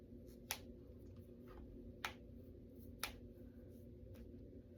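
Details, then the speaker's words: Several sharp, faint pops about a second apart in a quiet room as an adult deliberately cracks their fingers and knuckles: knuckle cracking, a harmless joint sound. "Today is July 13th, 2026, and I'm going to crack my fingers."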